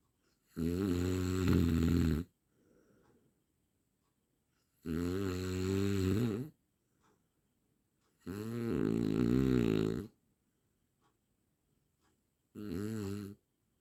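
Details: Four loud, buzzing snores, each one to two seconds, with silent pauses between, from an 8-minute snoring sound-effect recording; heavy snoring during sleep.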